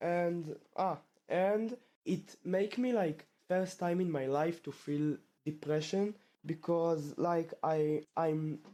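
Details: Male 12th-grade student who has stuttered since about age two, with the stutter returning after two years of fluency; stuttering.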